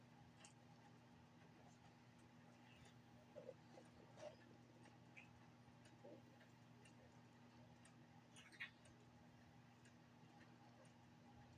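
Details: Faint, brief hiccups from a sleepy infant just after feeding, over a steady low room hum.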